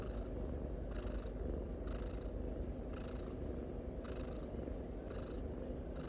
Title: Cat snoring #cat #kucingbelangtiga #cuteanimal #cutecat #catsnoring #kucinglucu